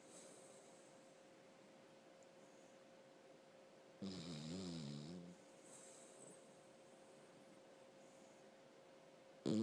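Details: A single wavering, rumbling snore breaks a quiet room, with soft breathing noise before and after; snoring.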